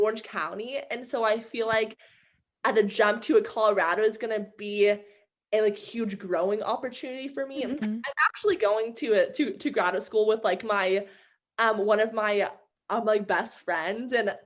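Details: Young adult woman who stutters, with audible word repetitions; stuttering.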